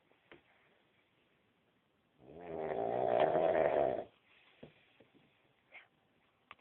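A single loud, rattling snore of about two seconds breaks the quiet, with faint room sounds before and after.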